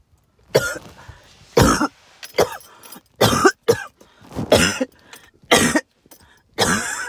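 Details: Lots of wheezing with some hacking cough, linked to tree pollen and mold spores.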